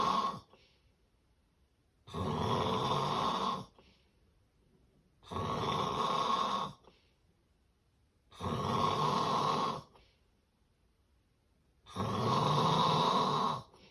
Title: The sound of severe sleep apnea snoring